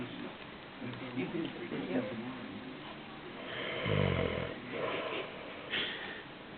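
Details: Dad snoring: a single loud, low rattling snore on an inward breath against room noise, with fainter breathing around it.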